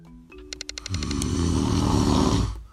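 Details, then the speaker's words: An adult's own snoring, never heard before recording: a few chiming musical notes, then one long, loud, low rattling snore on an in-breath lasting over a second: heavy snoring. "sound is me snoring I had never heard it before until I recorded it but every person that has slept next to me has suffered through it"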